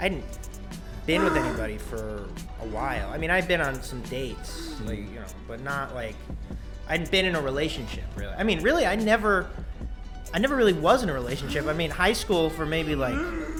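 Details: Adult man speaking; Normal speech.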